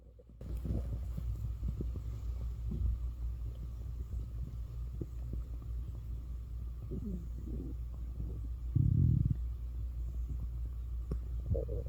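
Low rumbling and gurgling bowel sounds over a steady hum, with a louder burst midway; ordinary stomach growling.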